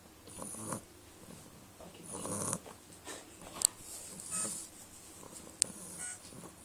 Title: Choobie The Snoring Beagle